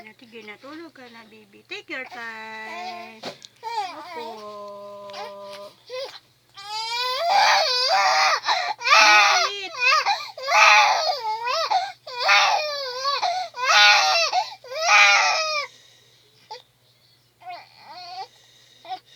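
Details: Baby crying while being soothed and held: rhythmic bursts of loud, high-pitched crying with whimpers between, in a small room.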